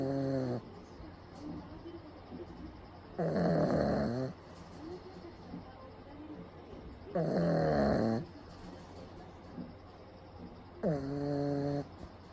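Loud, rattling snores from a sleeping dog, about 16 a minute, with quieter snuffling breaths between them.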